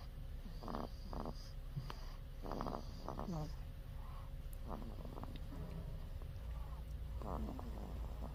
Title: cute baby snoring/ baby snoring